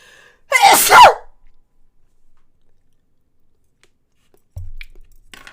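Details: A single loud, voiced sneeze from an adult while eating, with a sharp inhaled lead-in and an explosive burst, followed by quiet and faint clinking.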